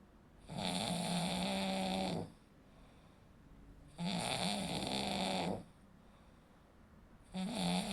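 Loud, rattling snores on each breath in, about 18 a minute, with quiet breathing out between; snoring from vibrating throat tissue.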